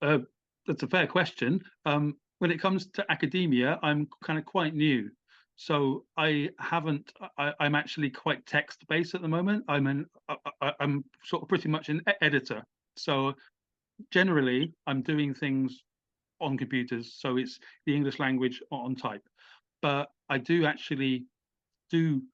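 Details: Adult British man, stammering since childhood with blocks, had speech therapy (voluntary stammering, replacement sounds), uses small repetitions as a technique, and says the stammer has become less intense with age; stuttering (stammering).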